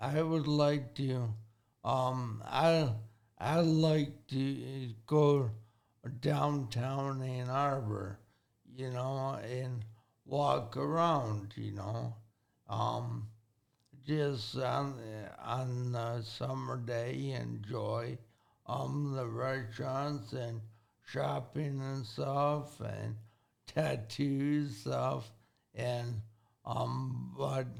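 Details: 40-year-old man with severe traumatic brain injury from a car accident at age 19, affecting thinking, processing time and speaking speed; had to relearn talking and has had speech therapy; acquired speech impairment after traumatic brain injury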